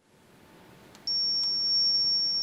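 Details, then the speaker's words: Brief beep then a steady high-pitched continuous tone as an ALS provider presses Charge on a ZOLL R Series defibrillator using hands-free electrodes, charging before a shock; adult default 120-150-200 J; training demonstration. "als 제공자는 차지 를 누릅니다"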